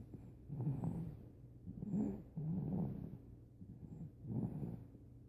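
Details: 13-week-old puppy snoring: soft, low snuffling snores in a loose rhythm, about four in five seconds.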